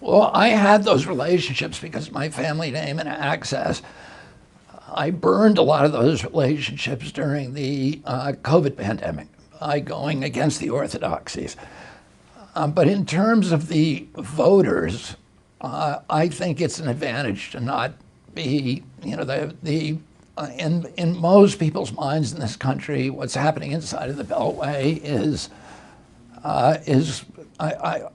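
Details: Adult male with spasmodic dysphonia; he reports a very strong voice until age 42, then onset in 1996 after a neurological injury, which he attributes to his brain sending wrong signals to his vocal cords.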